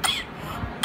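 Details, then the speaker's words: Four-month-old afebrile infant, cough 1–2 weeks unresponsive to beta-lactams and saline nebulisation, no coryza or wheeze: short abrupt coughs each separated by a breath, a staccato cough-breath-cough pattern, unlike paroxysmal pertussis bouts. "breathing so what can I say in between every every cough the child breathes or in between every breathing the child coughs this is called cough breath cough breath cough breath pattern"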